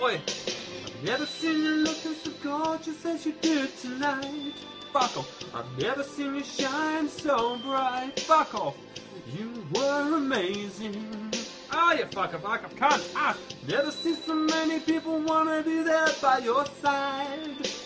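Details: Involuntary vocal tics, including swearing and exclamations, interrupting karaoke singing in Tourette syndrome.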